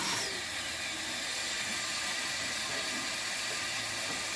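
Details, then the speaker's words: Steady high-pitched hissing whine of a high-speed dental handpiece preparing a tooth for a composite restoration, with air and water spray, mirror holding the tongue. "My mirror's going to hold my tongue, and we're going to prep."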